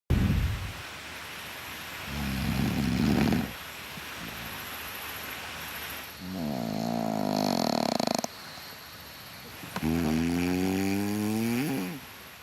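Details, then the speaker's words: Adult man snoring in a celebrity jungle camp in the morning, described as very loud and long, waking a campmate: loud, rough, groaning, tonal snores, some rising in pitch, over room noise and background music. "the noise on the decibel-o-meter he must have been at the top like so loud and so long"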